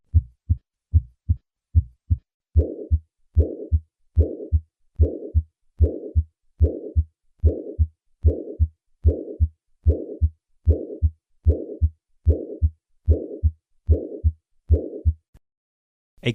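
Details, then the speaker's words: Regular heartbeat near 74 a minute with a decrescendo systolic murmur that starts loud and fades before S2 as left atrial and ventricular pressures equalize: acute mitral regurgitation. "Another variant of mitro regurgitation is the day crescendo murmur of acute mitro regurgitation. As the pressures in the left atrium and ventricle equalize towards the end of cy, the intensity of this murmur decreases."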